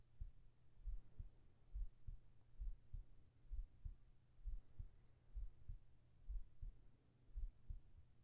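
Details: Recorded heart sounds for a sleep-relaxation track with whispered voice: steady soft low paired thumps at about 67 beats a minute over a faint hum; a regular normal heartbeat.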